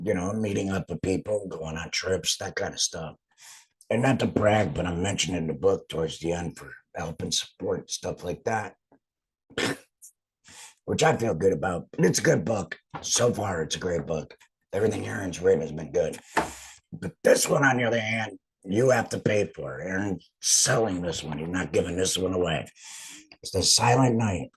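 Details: Adult laryngectomee speaking; alaryngeal speech after total laryngectomy.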